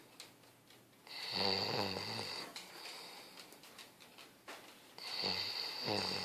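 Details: Snoring: two loud, buzzing snores with a whistling edge on the in-breath, about four seconds apart, over quiet room noise.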